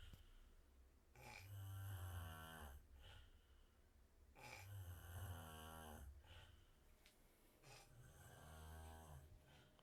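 Deep, rattling snores repeat in a slow rhythm, about three in ten seconds, with quiet breathing between them.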